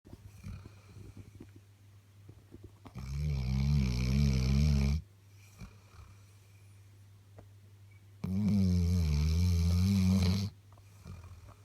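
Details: Sleeping Labrador dog: two long, loud, rumbling snores a few seconds apart, with quiet breathing between them; snoring.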